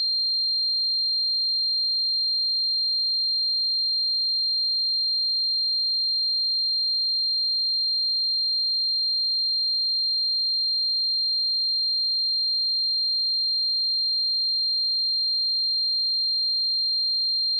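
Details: Simulated tinnitus sound effect: a steady, unbroken high-pitched tone throughout, imitating the constant ear ringing of tinnitus.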